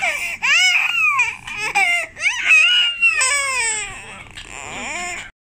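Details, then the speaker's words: Continuous high-pitched crying from an infant boy, with wavering wails and brief catches of breath, fading toward the end; ordinary crying as he calls for mama. "No, he looks so cute when he's crying. He looks so cute when he's crying."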